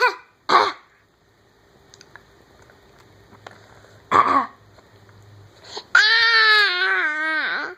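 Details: A 12.5-month-old infant gives three short, deliberate voluntary (fake) play coughs, then a whiny voiced sound; not an illness cough.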